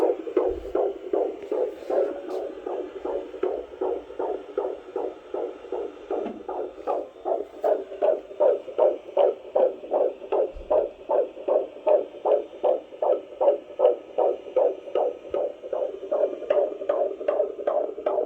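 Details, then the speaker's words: Fetal heartbeat at a midwife appointment, Rhesus-negative mother: rapid, regular whooshing Doppler heartbeat, about 156 beats a minute, described as strong. "beautiful oh that's a strong heartbeat geez that's about 156"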